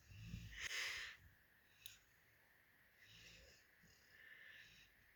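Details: A sleeping Labrador gives a loud snorting inhale, then softer, rumbling, noisy breaths: snoring.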